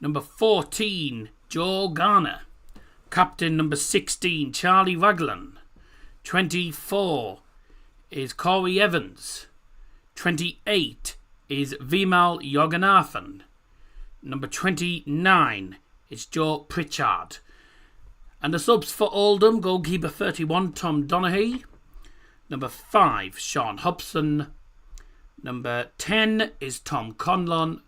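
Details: Rhotacism (labialized R) in a male host who calls it his speech impediment, with R pronounced like W, while reading a lineup.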